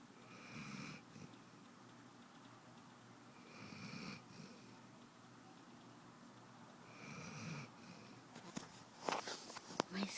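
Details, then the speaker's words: Sleeping puppy snoring: three soft, buzzy breaths at about 18 a minute, with a few rustling clicks near the end. "There's Luna snoring."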